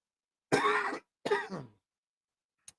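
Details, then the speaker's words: Cough in a man under the weather during a live stream: two dry coughs followed by a faint click, described by him as brutal. "oh there come the coughs see you guys hear it there it's brutal but oh I'm gonna have to cut this thing off short here guys"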